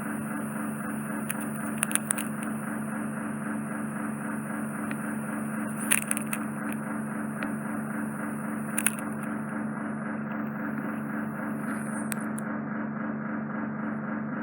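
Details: Ear microsuction noise, steady loud hiss with crackling and popping, removing impacted occluding ear wax lying directly on the eardrum, caused by cotton bud use.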